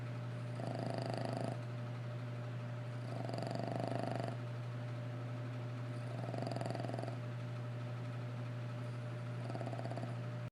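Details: Snoring: low rumbling snores, about four in ten seconds, each a rough fluttering breath over a steady background hum.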